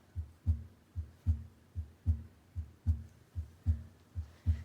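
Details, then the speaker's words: Patient simulator manikin heard with the stethoscope across the four valve areas, ending at the mitral area: regular lub-dub heart sounds at about 75 beats a minute, regular rate; normal S1 and S2. "listen for that love dub lub dub um and know whether the heart rate is regular or irregular so this one has a really good pattern we're gonna say it's a regular heart rate"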